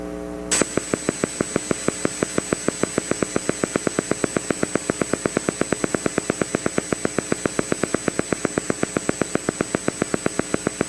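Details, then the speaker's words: Needle EMG teaching example: steady, crisp, repeated pops of a motor unit whose firing rate speeds up from about 6 Hz to roughly 8 per second, recognised as getting faster. "okay so you all recognize that it got faster right that's good"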